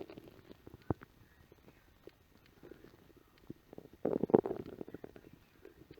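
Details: Adult's empty stomach after work following a light lunch: gurgling, rumbling bowel sounds with a louder growling burst midway; ordinary hunger borborygmi.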